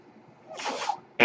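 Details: Mechanical ventilator noise heard in the background as a ventilator-dependent man speaks while recording a podcast.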